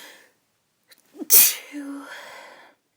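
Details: Uncovered sneeze from an adult woman trying to hold it back: quick in-breaths, then one sharp explosive sneeze with a brief voiced trailing sound.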